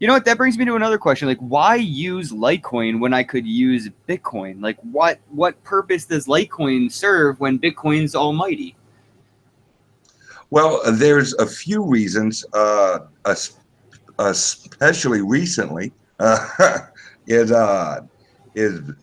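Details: Self-reported speech impediment of unspecified type in a man; speech disfluency.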